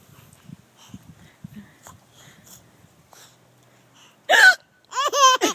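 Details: Mother's hiccups, soft and abrupt, followed by bursts of high-pitched laughter from her infant daughter: hiccups.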